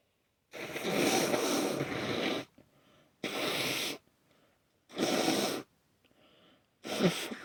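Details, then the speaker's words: Person with a wet cold, runny itchy nose, sneezing all day: four long, harsh bursts of airflow separated by short quiet sniffling breaths; repeated sneezing. "I've been sneezing all day, and I don't know how many times I've sneezed now, but I don't think I'm done."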